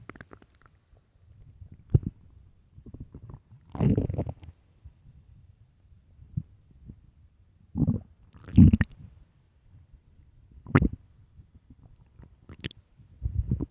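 Deep, irregular gurgling growls and rumbles from an empty stomach in a quiet room; ordinary hunger stomach noises.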